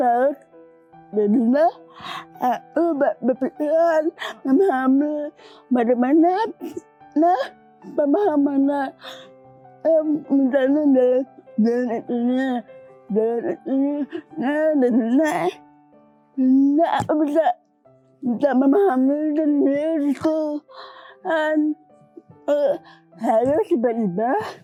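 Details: Dysarthria in a young woman with cerebral palsy from birth, with speech difficulty since childhood; she was once nearly unable to speak and improved after childhood practice with her grandfather.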